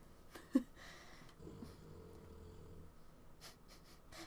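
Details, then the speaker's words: A sleeping dog snoring: a quiet, low rumbling snore lasting about a second and a half against faint room noise and a brief click. "Cuz it's it's showing on OBS that the it's picking up my computer sounds, but the dog is snoring a lot loud"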